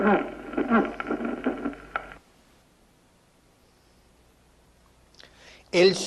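Under two seconds of rapid heart sounds with a steady, tonal, whistling quality over the beats, then silence and a voice starting: a musical aortic murmur.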